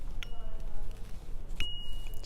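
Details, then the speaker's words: Littmann Cardiology IV stethoscope: two small metallic clicks, each followed by a clear ringing ding, as the tunable chestpiece is turned on and off; indexing ding. "this is the cardiology one so it has actually a little ding every time you turn it on and off I'll do it again"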